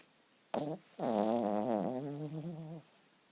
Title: My cute snoring poodle!